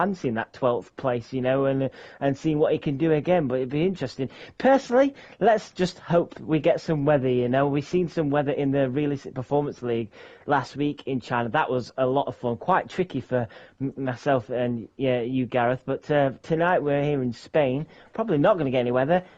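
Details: Adult male commentator; Normal speech.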